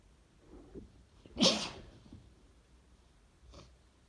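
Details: Congested person with a cold, sneeze induced to clear sinuses: one forceful, wet sneeze after a few catching breaths, then a faint sniff; messy cold sneeze.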